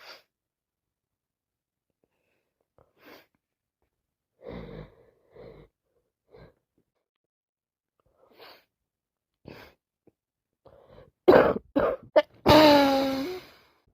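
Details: Adult with sinusitis or a cold, with streaming eyes and a constantly running nose: quiet sniffs and breaths build to a few sharp, non-stop sneezes, then a voiced groan.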